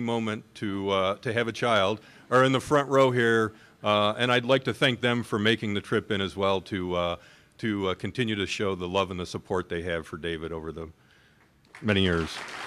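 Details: Adult man speaking to an audience; Normal speech.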